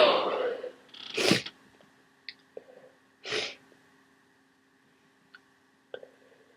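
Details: Two loud, explosive sneezes with sharp bursts of air during a cold, followed by quiet room sounds.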